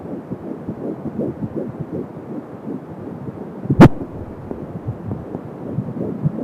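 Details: Fetal heartbeat at 12 weeks of pregnancy on an Angel Sound home fetal Doppler: fast, regular galloping whoosh at about 170 beats a minute, with whooshing umbilical cord sounds.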